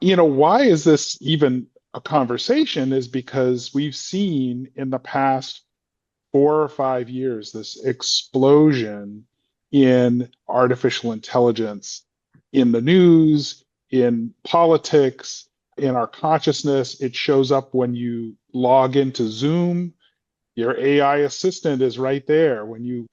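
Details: Adult male speaker; normal speech.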